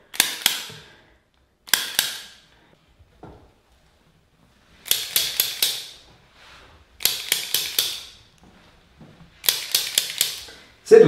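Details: Sharp, crisp pops in rapid clusters of three to four during ASMR chiropractic spinal adjustments of a woman who came in for knee pain; joint cavitation (cracking) during spinal manipulation.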